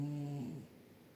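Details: A brief soft, low-pitched tonal breath sound that fades out, from an orange cat sleeping on a chair with his face covered by his paw: gentle snoring.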